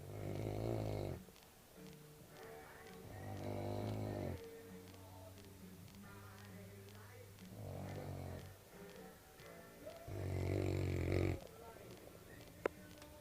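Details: Senior Cane Corso dog snoring while asleep in the morning: about four deep, rumbling snores over thirteen seconds, with music playing in the background.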